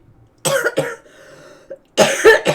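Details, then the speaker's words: Adult's cough during illness, described as about as bad as it has ever been: two harsh, dry cough bursts, a pause, then two more coughs. "Your cough like is so is fine, and this is what it sounds like. This is about as bad as it's ever been, too."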